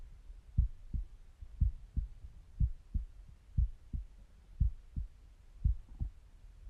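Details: Steady paired lub-dub heartbeat at about 58 per minute, heard by stethoscope at rest, with faint stomach gurgles behind it; normal resting heart sounds.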